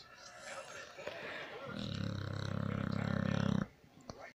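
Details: Pit bull dog snoring: a long, low, rattling snore rises in loudness, then stops abruptly.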